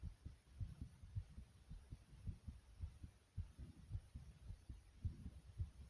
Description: my short heartbeat sound fast beats yet soft.